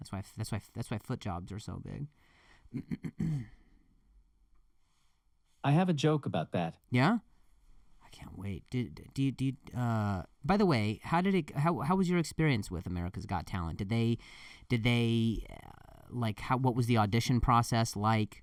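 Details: Adult male comedian who stutters, saying the stutter has gotten a lot better over the years, speaking conversationally with repeated words and phrases; stuttering.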